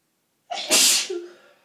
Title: Wet and stuffy sneezes